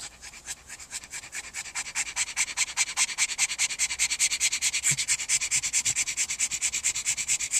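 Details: Rapid, steady, airy heavy panting from a dog with extreme brachycephaly struggling to cool down.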